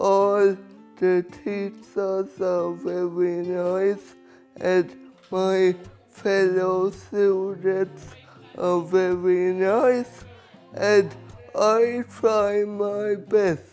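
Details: Young adult male speaker; dysarthric speech in cerebral palsy.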